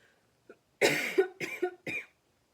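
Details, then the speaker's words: Adult woman, snuffy for the last few days, gives three short, dry coughs in quick succession, each a sharp burst with a brief voiced tail; she calls it an annoying dry cough. "Be very snuffy the last few days and it does make me cough sometimes."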